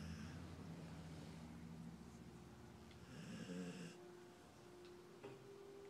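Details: Dog snoring loudly while sleeping in an odd position: low, fluttering, rattly snores, then a softer whistling nasal note on the breath, in a quiet room.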